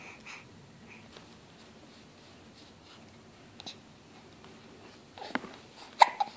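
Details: Infant after eating baby food puree, making soft babbling noises with a few short, sharp hiccups near the end: infant hiccups.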